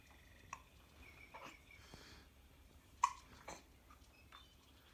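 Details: Hiccups in a 21-week-old baby bouncing in a jumper: a few short, sharp catching sounds with soft breathing between.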